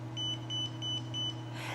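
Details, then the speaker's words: A Zoll R Series defibrillator during a support-function test, with the one-step cable plugged into electrodes, paddles or the test port, gives four short, evenly spaced high beeps over a low hum as the mode selector is turned to defib. "ensure the one-step cable is plugged into either one-step electrodes paddles or the test port turn the mode selector to d-fib"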